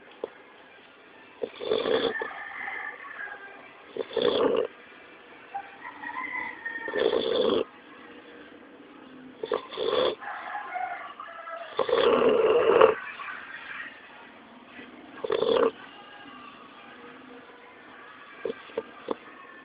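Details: Snoring in a sleeping pit bull puppy: repeated rough snores at irregular intervals, about 20 a minute, over a quiet background.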